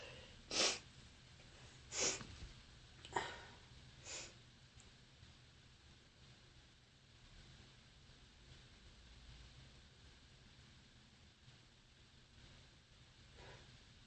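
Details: Four sharp, harsh sneezes in quick succession, then quiet breathing, from a person with bronchitis; repeated sneezing.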